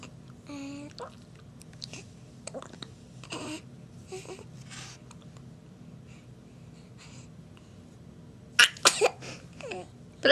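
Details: Infant who has been having hiccups gives a quick, sharp sneeze after a quiet stretch with a few soft baby sounds.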